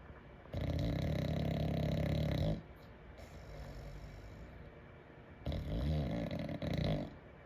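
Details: Bulldog snoring: loud, deep, vibrating snores with a softer rattling breath between them, the heavy snoring typical of a flat-faced dog.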